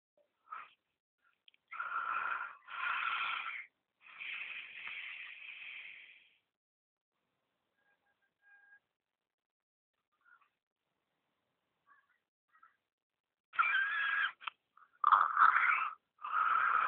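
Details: Woman snoring during sleep: irregular whistling, raspy breathing noises with a long quiet gap midway.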